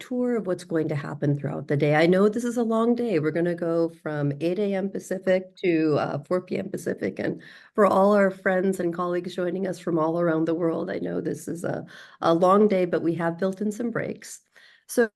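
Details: Adult woman speaking; ordinary speech.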